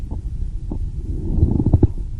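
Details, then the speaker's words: Lung auscultation teaching example: low, rough creaking and grating sounds with breathing, a pleural friction rub. "Isso daí é um atrito pleural."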